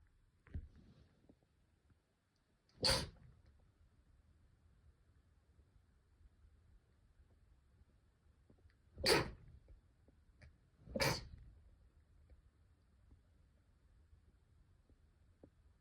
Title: sneeze 116